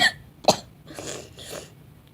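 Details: Sick child coughing: two short, sharp cough bursts followed by soft breathy exhalations.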